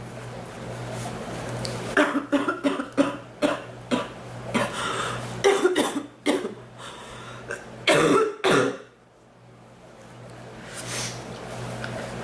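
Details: About a dozen coughs in repeated clusters over a low room hum; a persistent cough that hurts the back more than the chest and comes and goes.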